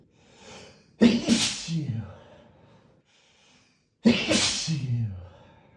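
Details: Adult male sneezing in a hotel room: two forceful, explosive sneezes with breathy trailing tails, about three seconds apart, in a quiet room.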